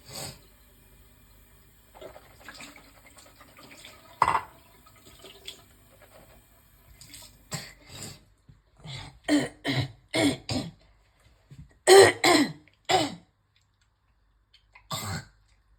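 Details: Throaty retching and hawking with repeated forceful spits and water running in the background, from a woman bringing up heavy phlegm after a coughing fit while brushing her teeth made her nauseous; retching and spitting phlegm.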